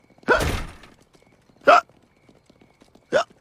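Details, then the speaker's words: Cartoon character Quagmire from Family Guy hiccuping: three sharp, voiced hiccups at irregular intervals, hiccups that won't go away after he said "giggity" too fast; simulated cartoon hiccups. "up with those hiccups i don't know yeah i think i said giggity too fast when the guy was explaining how the goggles sit on your face now they're not going away"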